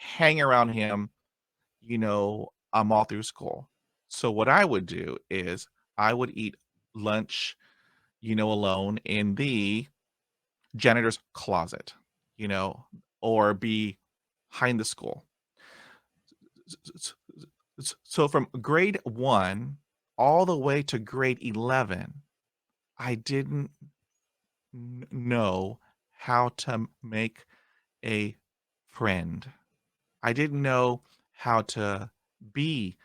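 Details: Adult Italian man who has stuttered since childhood and had speech therapy as a child and adolescent, describes his stutter as not severe and stutters more in Italian, here speaking English; stuttering.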